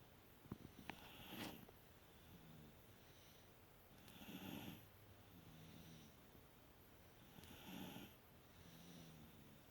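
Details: Tired toddlers asleep after a very long day: soft, regular snoring breaths, about 19 per minute, over steady room noise.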